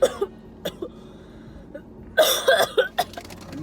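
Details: Acted, simulated coughing in a car: several short, harsh cough bursts in a run with throat-clearing, faked as part of a coughing-blood prank, with claims of something stuck in the throat and possible bronchitis; acted cough.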